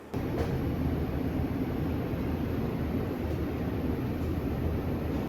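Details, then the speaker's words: Monsoon mechanical jet ventilator switched on at the rear start/stop power button and powering up: a loud, steady rushing hum with a faint high whine. "to do that we again go to the back of the machine where you see a big power button that says start or stop and the Machine should come to life and start powering up"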